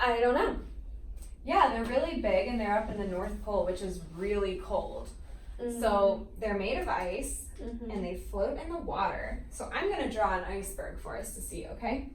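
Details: Adult woman; typical speech.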